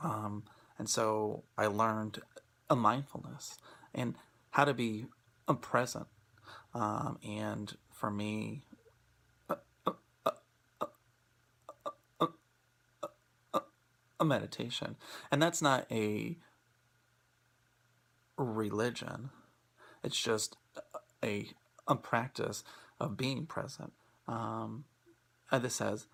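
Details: Real stuttering in an adult who stutters, speaking during a presentation on acceptance and commitment therapy for people who stutter; finding: stuttering.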